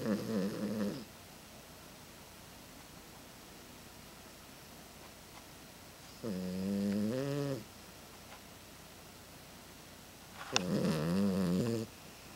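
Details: Snoring after coming home very sleepy from a weekend boarded at the vet: three rumbling, buzzing snores about five seconds apart, roughly twelve breaths a minute, in a quiet room.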